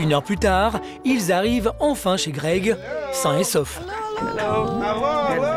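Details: Adult narrator; ordinary speech.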